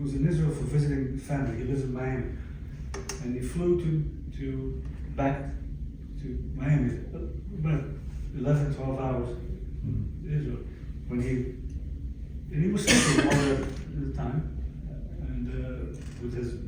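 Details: Adult male with permanent aphasia about 11 years after a stroke, with auditory comprehension his worst difficulty and trouble getting to the point when talking; aphasia.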